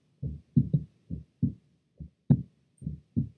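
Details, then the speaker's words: Normal adult heart sounds, soft lub-dub at roughly 70 per minute, recorded with an Eko electronic stethoscope and shown alongside a simultaneous EKG and phonocardiogram waveform on the Eko dashboard. "Again you can see at the top there is the EKG and the bottom waveform is the phonocardiogram."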